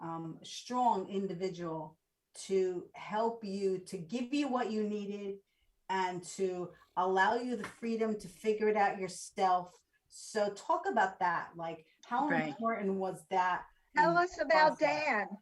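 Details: Adult woman speaking; normal speech.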